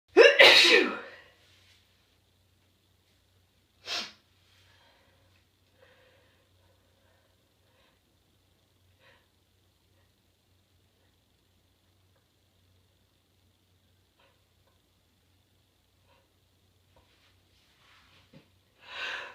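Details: Person sneezing and then honking the nose to clear a nasal tickle: one loud, explosive sneeze, a smaller sneeze a few seconds later, and another near the end.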